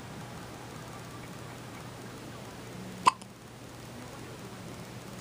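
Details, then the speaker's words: Little boy with hiccups: a single sharp, sudden hiccup against steady room noise; an ordinary hiccup. "like a little mouse"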